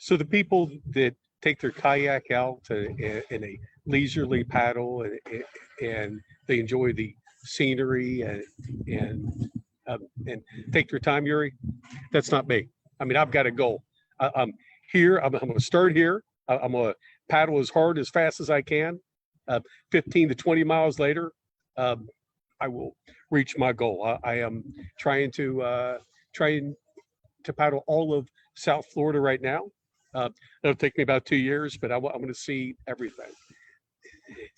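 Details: Stuttering in an adult man who uses word substitution and sentence starters and blocks on certain words.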